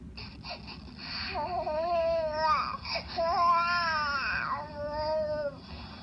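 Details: A baby cries in long wavering wails with brief catches of breath, over low room noise, used to test an FPGA/Arduino baby monitor sound sensor.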